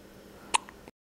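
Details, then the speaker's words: Held by her mother, a girl who often gets hiccups and usually fusses with them: a single short, sharp hiccup in a quiet room. "here's chloe she always gets the hiccups i wanted to get in my video because they're cute oh boy girl she doesn't like them"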